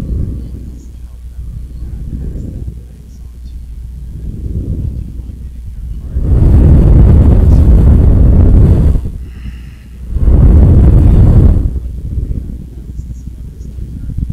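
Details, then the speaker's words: Low rumbling buzz swelling into two loud bursts, then settling; surface EMG from a homemade battery-powered amplifier device fed to a sound card during weight lifting; muscle contractions louder than at rest. "so that's uh emg device um and that's measuring the electrical activities in my muscles"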